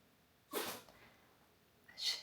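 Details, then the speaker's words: A dog sneezing indoors: two short, sharp, hissy bursts over quiet room noise. "avez entendu? C'est mon chien qui éternue."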